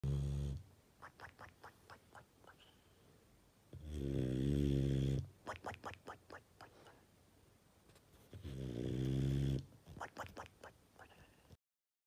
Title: Snoring Mastiff Dog